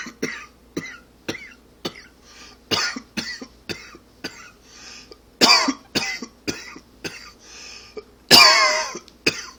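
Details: Adult with allergy or smoking cough: repeated harsh coughs in short bursts, a persistent irritative smoker's cough.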